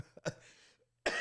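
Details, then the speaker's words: Adult woman coughing: two short bursts, a brief pause, then another loud burst; she blames bad allergies and a deepened voice; an ordinary cough. "Oh, damn. Sorry, my allergies are kicking my butt."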